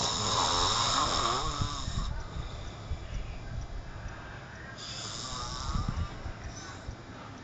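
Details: Roommate snoring at 12:00 pm: loud, rough snoring on breaths in, with quieter stretches between, in a room with background noise; ordinary heavy snoring.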